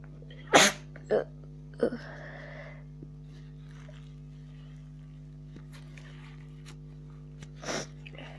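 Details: Person sick with a cold sneezing repeatedly: several short, sharp sneeze bursts with a faint voice between them against steady room hum.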